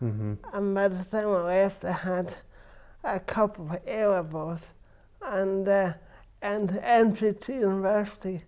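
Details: Adult man with cerebral palsy since birth, which he says affects his verbal communication, balance and coordination; dysarthria (cerebral palsy).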